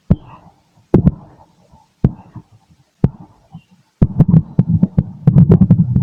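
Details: Adult male's own stethoscope recording late at night: steady heartbeat about 60 a minute, then a stretch of busier, irregular low rumbling and rubbing; normal heart sounds.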